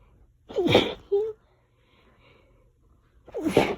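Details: Two sharp, explosive sneezes a few seconds apart, with a brief vocal sound after the first; part of nonstop allergy sneezing that lasted about 20 minutes.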